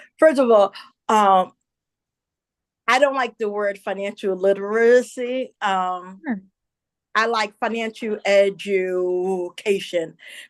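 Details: Adult woman, a self-described stutterer who says listeners will hear her stumble on some words; stuttering.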